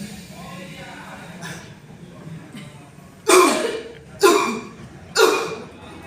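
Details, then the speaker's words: Three loud, sharp forceful coughs after a deep breath, demonstrated in post-pulmonary-TB rehabilitation for sputum clearance; taught as two to three consecutive maximal coughs, no more. "Batuknya dua kali maksimal tiga kali berurutan jangan lebih dari itu langsung sekerasnya sekuatnya ya"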